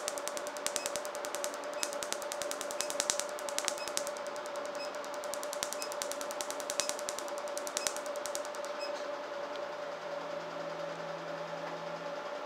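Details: Fast, irregular sharp clicks about twice a second over a steady hum: RevLite SI Q-switched laser pulses during tattoo removal.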